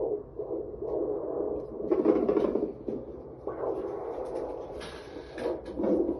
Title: Ultrasound with fetal doppler at 18 weeks pregnant (Ultrasonido doppler fetal 18 semanas de embarazo